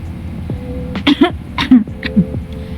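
About four short, muffled cough bursts from an adult coughing into a covering, acted as a demonstration.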